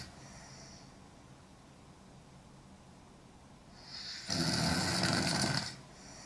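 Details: Young woman snoring hard: quiet breathing, then one loud, harsh, rattling snore on the in-breath lasting over a second, with faint room noise.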